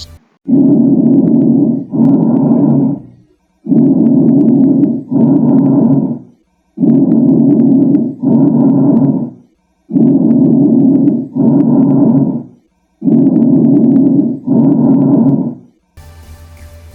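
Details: Bronchial breath sounds on chest auscultation: loud, hollow, blowing sounds in both inspiration and expiration, with a brief pause between the phases.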